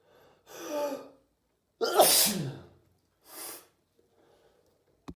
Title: Can’t stop sneezing these days !